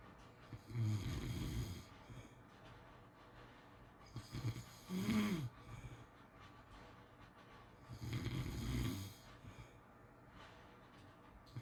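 Low, rumbling snores recurring roughly every four seconds, about 16 breaths a minute, with quiet pauses between; ordinary snoring during sleep.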